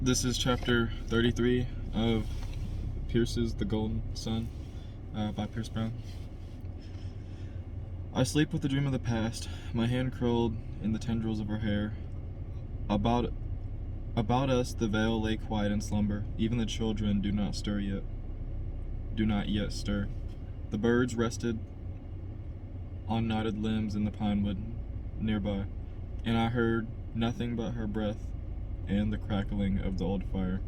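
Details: Adult man who stutters reading a novel chapter aloud as practice to help his stutter; stuttering.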